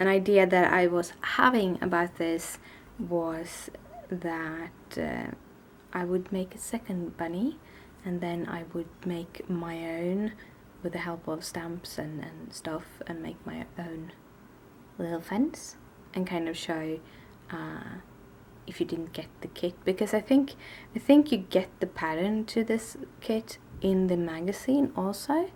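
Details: Adult woman with tics, on a bad day with her speech impediment present since waking, worse in Swedish than English; blocks where words won't come out or come one at a time; stuttering.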